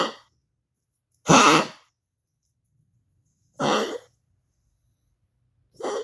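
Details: Dog coughing, recorded for its veterinarian: three separate harsh, forceful coughs with silence between them.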